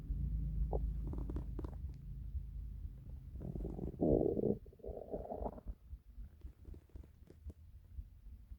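Low gurgling and rumbling from the belly with a louder growl midway; ordinary hunger rumbling, a normal bowel sound.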